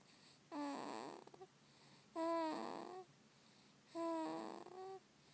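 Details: Baby snoring: three tonal, fluttering snores on breathing in, about 34 a minute, in a quiet room; recorded on an iPhone.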